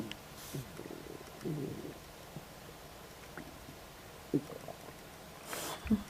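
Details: Borborygmi, stomach gurgling in an adult just after eating a snack of ribs; rumbling described as never ending.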